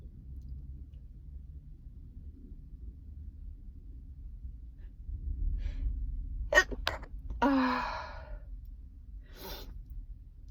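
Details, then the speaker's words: A person who says they cannot stop sneezing takes a quick, sharp breath in, then gives a sudden burst sneeze with a trailing breath out in a quiet room. "Ah. I'm so sick and tired. I'm sneezing, which is a first for me."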